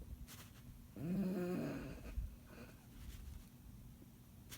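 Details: Bulldog asleep, tired after a long day, snoring: a loud, buzzing, rattling snore on the in-breath followed by quieter breathing in a small room.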